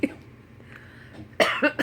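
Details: A 5-month-old infant gives a few short, voiced cough-like bursts, imitating a cough when a parent says "bad cough"; a deliberate imitated cough rather than illness.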